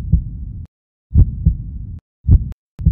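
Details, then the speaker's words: Low heart sounds in uneven bursts with gaps of differing length: an irregular heartbeat (arrhythmia) from a change in the heart's normal electrical conduction system. "A change in the heart's normal electrical conduction system can result in an arrhythmia, or irregular heartbeat."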